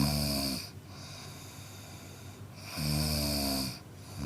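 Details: Man snoring: loud, rough, rattling breath noises repeating with each breath, roughly every two to three seconds; typical snoring.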